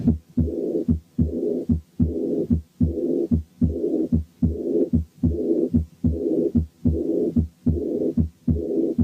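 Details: Aortic regurgitation: a regular heartbeat near 74/min with an early diastolic blowing murmur after each beat.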